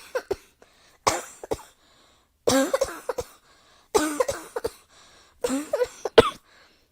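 Five bouts of repeated coughing, each a burst of two to four harsh coughs, with short pauses between bouts, in a quiet room.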